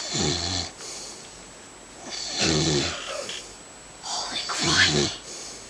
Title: The Snoring Dad